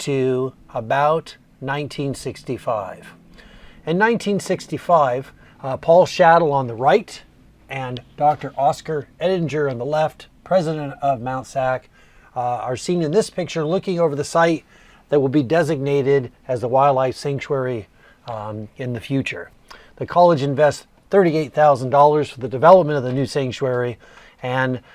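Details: Adult male narrator; normal speech.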